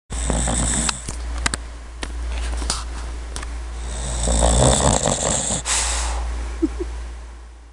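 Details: Soft, rough snoring from a sleeping puppy that has been very sleepy recently, with steady low room hum and a few small clicks; snoring.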